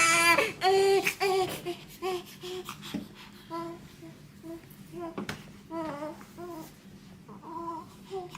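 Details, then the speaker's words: Newborn boy on his first day in hospital, being swaddled by his father: repeated short, high-pitched cries with brief pauses in a quiet room; ordinary newborn cry. "First, it needs to be in a square form. Don't worry about him crying."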